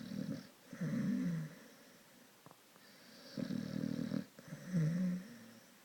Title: Sonny the Staffy snoring